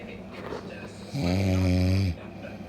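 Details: A single loud, low, buzzing inward snore lasting about a second over quiet room noise; ordinary snoring.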